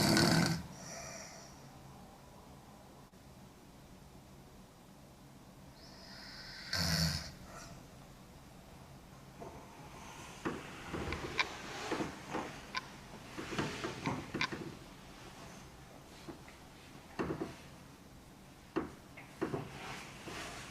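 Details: Young woman snoring hard while asleep: two harsh, rattling snores, then irregular snorts and soft breathing noises; intermittent heavy snoring during sleep.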